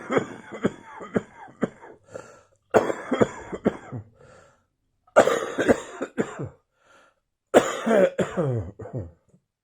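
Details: Repeated bouts of heavy, harsh coughing, several coughs per bout, with gasping breaths between; frequent persistent cough with ongoing wheezing.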